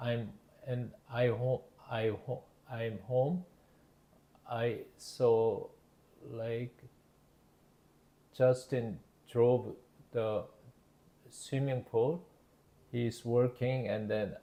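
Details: Adult male with Broca's (non-fluent, expressive) aphasia after a left-hemisphere ischemic stroke in September 2023, initially global aphasia; word-finding difficulty; Broca's aphasia.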